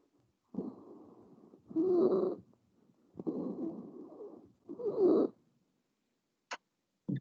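Harsh, noisy breaths about 20 a minute, with a loud, high-pitched, musical phase in each cycle, followed by a few clicks: stridor.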